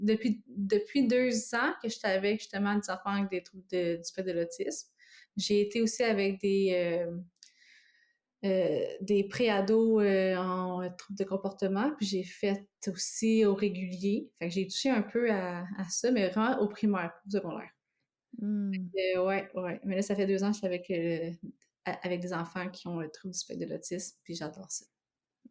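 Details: Adult woman living with both stuttering and cluttering; cluttering with stuttering.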